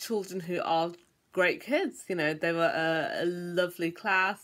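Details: Adult who stammers, speaking; stammering.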